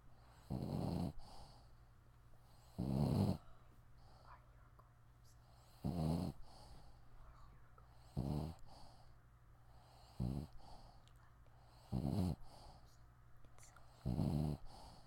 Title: Cute snoring dog